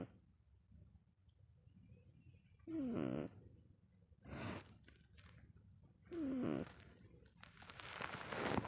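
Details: Soft nasal snorts and whistling snores from two sleeping dogs, a mother and her son, irregular and overlapping, with faint room noise; snoring.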